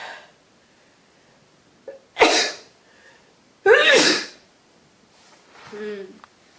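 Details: Adult with a head cold, trying to provoke sneezes; two forceful, wet sneezes with sharp explosive bursts and an intake of breath before each, then a softer sniff; sneezing.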